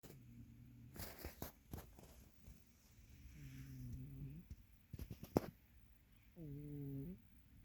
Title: Today's Zen Moment: 30 seconds of a fat cat snoring